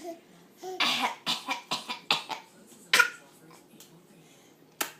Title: fake cough